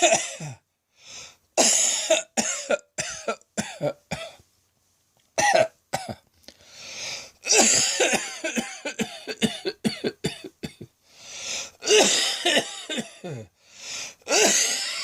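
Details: Midday coughing fit likened to a heavy smoker's: repeated harsh cough bursts in quick runs with brief gasps between them. A prolonged, heavy coughing fit.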